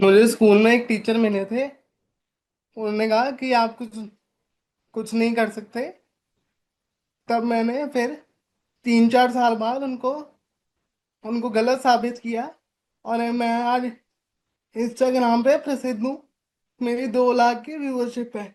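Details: 25-year-old man with cerebral palsy, born premature with a brain clot, body stiffness and speaking and walking difficulty; dysarthria.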